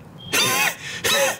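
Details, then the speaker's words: Adult imitating a strange dog-like barking cough with a squeal, from an illness with a very inflamed throat; two harsh barking bursts with a high-pitched edge. "Así, como de perro rara. Pero era con un chillido. Así tosía."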